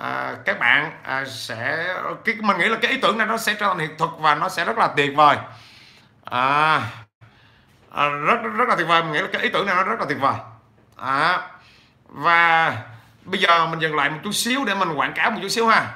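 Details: 43-year-old man with stuttering since childhood, improved with much speaking but still persisting; stuttering.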